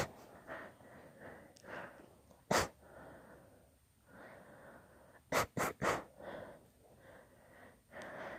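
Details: Run of four sharp sneezes, three close together, with quick breaths and sniffs between, in a long deliberately induced sneezing fit; sneezing fit.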